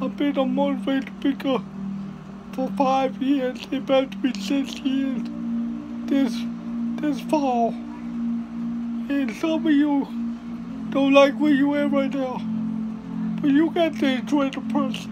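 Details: Hard-to-understand, garbled dysarthric speech from a speaker with cerebral palsy; finding: dysarthria.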